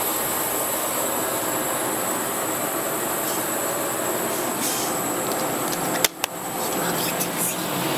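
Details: Patient in a hospital oxygen chamber (10-18-16): steady loud rushing hiss with a high whine from the running chamber, broken by two brief knocks.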